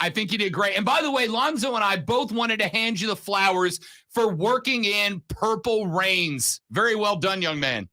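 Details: Adult male speaker; Normal speech.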